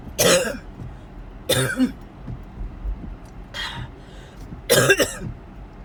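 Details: Four harsh coughs in quick succession with faint road noise, recorded in a car on the way to the hospital/ER during a series of coughing attacks; coughing fit.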